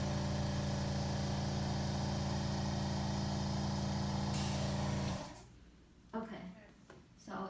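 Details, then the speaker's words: Portable suction machine run briefly to check pressure before tracheostomy suctioning in a nursing skills demonstration: loud steady motor hum with rapid regular pulsing for about five seconds, then switched off. "um it has good pressure i just turn it off so um we're gonna pretend like the suctioning is still on um it's going to be noisy for the video"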